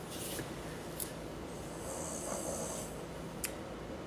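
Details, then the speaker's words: Snoring from a sleeping brother, heard faintly in the background over steady room noise: low, rough snoring breaths. "oh that's snoring loud is really that loud can you guys really hear the story it's my brother"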